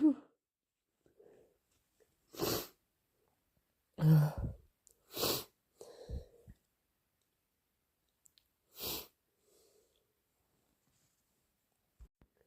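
Four to five explosive, wet sneezes or snorting blows separated by quiet pauses; repeated sneezing.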